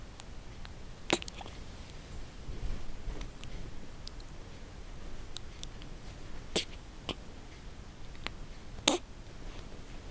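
Sharp, brief catches of breath at irregular intervals in a quiet room, about five in ten seconds, fitting hiccups.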